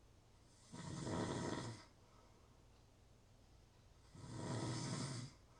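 Two long, rough, rattling snores on inhaling, separated by quiet pauses, typical of an adult's snoring in sleep.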